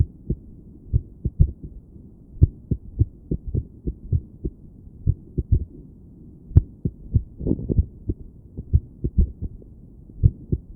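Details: Woman's own heart recorded with a stethoscope while sitting on her bed, trying to breathe slowly and relax during a spell of irregular beating she could feel: low thumping beats, some bunched close, others after longer pauses; irregular heartbeat.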